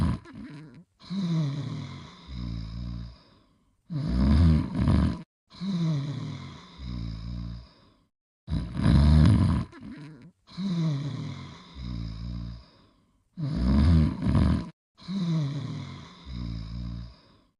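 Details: Snoring from Astro sleeping, in footage from a short 1980s–1990s episode: loud, rough, rattling snores in regular cycles, each a long snore followed by a shorter one, about 13 a minute; heavy snoring.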